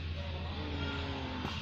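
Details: Spectra 9S electric breast pump on mains adapter, suction being stepped down from level 10 toward level 1: steady low motor hum with faint rhythmic pulsing at reduced suction.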